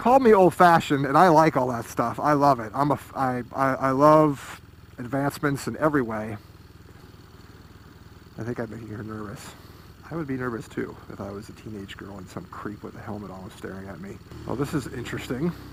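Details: Man who says he stammers a little on a regular basis, repeating and mispronouncing words, partly attributed to his motorcycle helmet squishing his cheeks while talking; mild stuttering.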